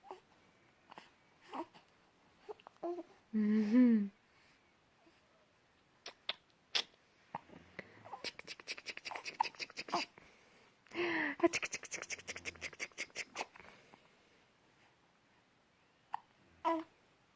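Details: Infant hiccups: brief, abrupt catch-like sounds recur every few seconds, with one longer infant coo and clusters of rapid ticking in the background.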